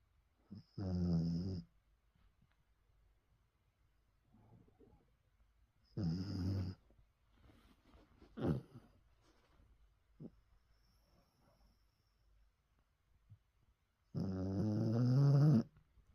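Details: Bichon dog snoring during a cozy nap: low, rattling snores on breaths in, spaced several seconds apart, in a quiet room. Snoring during sleep.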